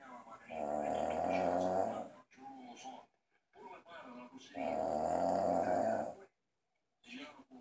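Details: Husband who apparently passed out after drinking, asleep with the TV on: loud rattling snores with softer breathing between, about 15 breaths a minute; heavy snoring in deep sleep.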